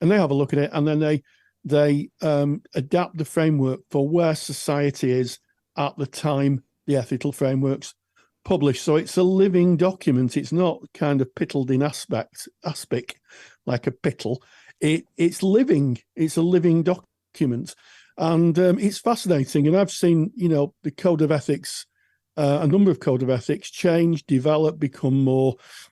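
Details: Adult male speaker; typical adult speech.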